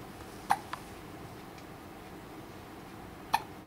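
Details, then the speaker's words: Newborn girl, 36 hours and 45 minutes old, just fed, eyes open, with hiccups: three brief, sharp hiccup sounds in a quiet room; ordinary newborn hiccups. "she's got the hiccups she got her eyes open too"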